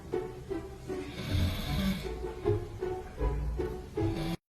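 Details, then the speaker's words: Adult man (a father) snoring in his sleep, startling a baby: deep, rumbling snores repeating about every half second to one second, with music in the background. "my husband snoring in his sleep and scared the baby a"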